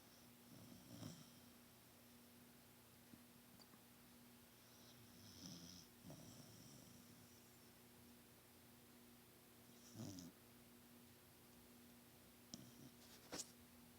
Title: Snoring Bulldog